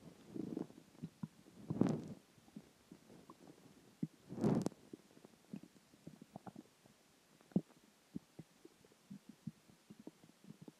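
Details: Stomach growling (borborygmi) after dinner, water and gas: irregular gurgles and a couple of longer low rumbles in a quiet room.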